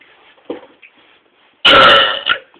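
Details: Burping: one loud, drawn-out rasping belch after a quiet start, with a short voiced sound right after.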